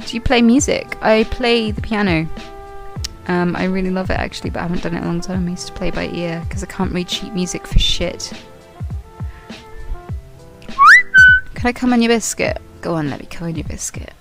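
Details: Female streamer with Tourette syndrome; tic words interrupt a birthday greeting; Tourette syndrome vocal tics.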